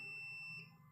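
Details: Handheld intraoral portable camera-type dental X-ray unit, exposure button pressed: a steady high electronic beep lasting about half a second during exposure; the unit then needs a few seconds before it is ready again.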